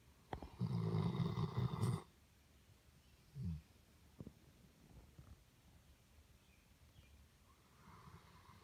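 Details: Dog snoring in sleep: one loud, low rattling snore lasting over a second, then quiet breathing with faint snorts.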